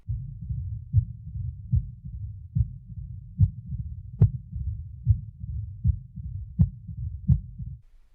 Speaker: a mid diastolic murmur as in mitral stenosis starts a short time after s2 and may follow an opening snap